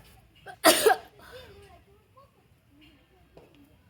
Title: loud Sneezes Africa.